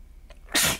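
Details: Sneeze during a person's allergy-attack sneezing fit that grows more forceful and congested: a faint intake, then one loud, explosive hissing burst of air.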